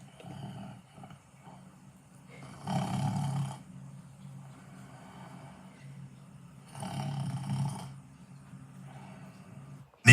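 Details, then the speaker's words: Edited cartoon snoring sound effect from an ABC book: two long, low, rumbling snores with a quiet droning hum between them; not a real recording. "Don't care. I'm going to make you snore like number 79 no matter what."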